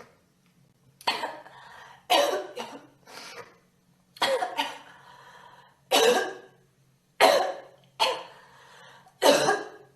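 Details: Girl coughing: eight sharp coughs in ten seconds, some in quick pairs, each burst trailing off with a rough, throaty tail.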